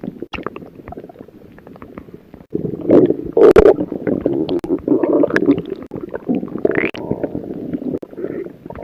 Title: stomach growling